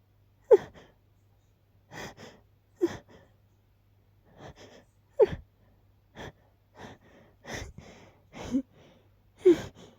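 Repeated quick gasping in-breaths, about 13 a minute, at irregular intervals, some ending in sharper bursts: the gasping buildup before sneezes.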